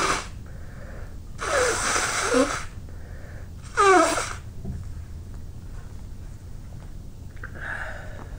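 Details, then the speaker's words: Person with a tickling nose, runny nose and eyes, and a sore throat from repeated sneezing: two loud sneezes with gasping intakes before them and quieter breathing and sniffing between, in a quiet room; sneezing. "Oh, my throat is hurting from all the sneezing. It's so powerful. I think I have to blow my nose."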